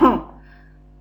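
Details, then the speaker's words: A single brief voiced cough made deliberately as a vocal sound demonstration, a short sharp burst that fades quickly; imitated cough. "Yes, what sound was that? Yes, I was coughing, and that sound I can make easily with my voice."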